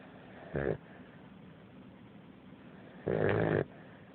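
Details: 7-week-old Fila Brasileiro puppy: two short, rough, snorting snores over steady background hiss. Puppy snoring.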